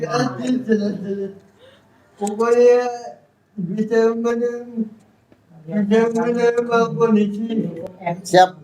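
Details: Adult with cerebral palsy, real speech: dysarthria in cerebral palsy.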